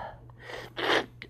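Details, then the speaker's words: Acted sneeze in a drama scene: quick in-breath then a short, sharp burst of air, followed by an apology for the interruption. "Oh, sorry. Chill. Why do I apologize? I don't know. Because it's an interruption."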